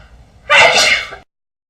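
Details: Pig sneezing: a single sharp, hissing sneeze burst lasting under a second.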